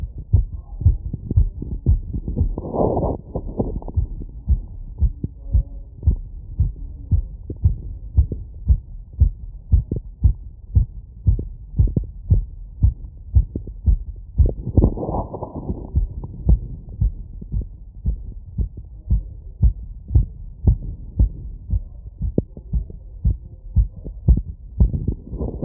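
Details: Wireless stethoscope, membrane and funnel in all frequency modes, over valve areas including Erb's point, standing in a light tilt, after a 3 km run: rapid regular crisp two-part heartbeat about 150 bpm; tachycardia with normal heart sounds.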